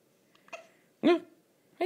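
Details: Hiccups in someone sitting with the recorder: brief, abrupt squeaky hiccup sounds spaced apart in a quiet room.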